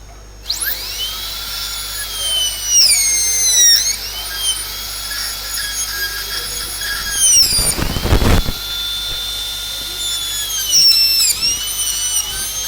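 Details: Dental drill preparing a mesio-occlusal cavity with a dovetail on the distal marginal ridge. Loud high-pitched whine whose pitch dips as it cuts and recovers between passes.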